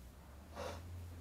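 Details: Deliberate sneezing challenge with classical, high-pitched and loud sneeze styles: a single short, forceful nasal snort over low room hum.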